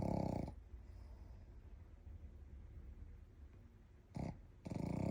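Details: Shih Tzu dog deeply asleep and dreaming: short snorting snores with quiet breathing between them; harmless snoring.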